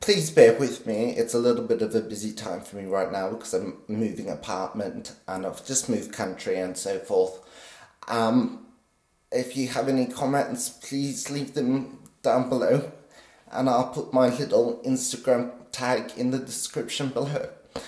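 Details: Essential voice tremor in a 50-year-old man with essential tremor since birth, always very pronounced in his voice, still audible after deep brain stimulation surgery at 24, which stabilizes but does not cure it.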